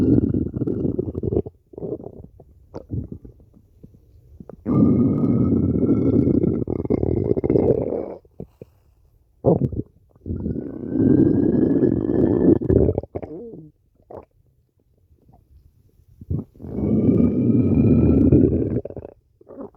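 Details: Woman's hungry stomach growling after skipping breakfast: long, low gurgling rumbles in several waves, typical of ordinary borborygmi from an empty stomach.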